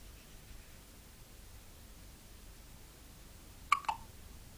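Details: One-week-old baby with hiccups while falling asleep: quiet room, then two quick, sharp hiccup sounds close together.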